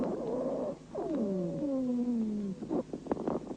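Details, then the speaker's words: Dry wheezes auscultated in a patient during a bronchial asthma attack, caused by bronchospasm and narrowing of the bronchi by viscous exudate. "сейчас вы слышите сухие хрипы у больного во время приступа бронхиальной астмы они образуются в результате спазма бронхов и сужение вязким экссудатом и"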